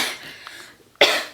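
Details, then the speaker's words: A single cough that the person says did not sound like a typical cough and sounded gross; cough. "I apologize for that that was a cough that did not sound like a cough that sounded kind of gross so I'm apologizing"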